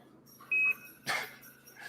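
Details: Short, clear electronic beep as a G5 portable oxygen concentrator powers on, followed by a brief puff of air.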